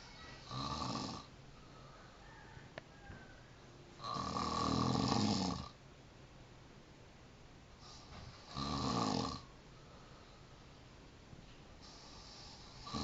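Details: Person snoring in Depok, recorded 05-04-2011: loud, rasping snores at irregular intervals, about 15 a minute, with quiet breathing between them; snoring.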